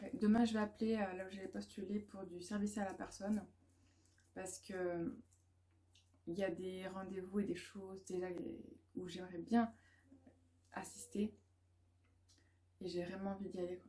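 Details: Woman (student, mother) who stutters; she says background noise such as loud machines, children or music worsens it and blocks her speech; she calls it a probably permanent brain dysfunction and is considering a speech therapist assessment; stuttering.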